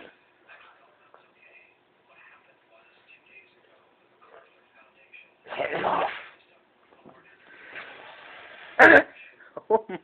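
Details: Drunk roommate, passed out after heavy drinking, sneezing: a sharp, explosive sneeze among quiet room sounds and faint voices, followed by a brief knock as the head hits an end table.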